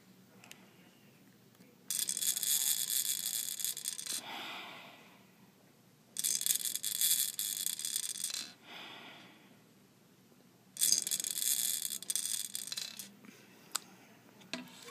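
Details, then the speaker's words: Day 3 after open heart surgery, the patient uses an incentive spirometer for deep-breathing exercise. Three hissing two-second inhalations keep the indicator floating between the arrows, separated by quieter exhalations; the breath is strong at first and weaker at the end. "so i suck in like this and then i gotta make the the thing go up like this"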